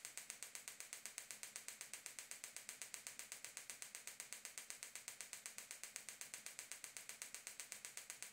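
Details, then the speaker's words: Extracorporeal shockwave therapy with a Gymna Shockmaster 300, 15 mm focused head, 3 bar, 8 Hz, 2000 shocks, with ultrasound gel on the proximal plantar fascia origin at the heel for plantar fasciitis / bony heel spur: rapid, very regular sharp clicks as the device fires. "keep keep applying the shocks to the same area until all 2,000 shocks have been applied e"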